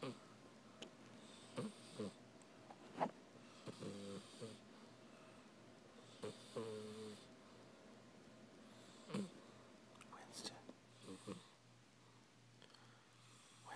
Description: My cat Winston snoring away, sounds like a person sleeping.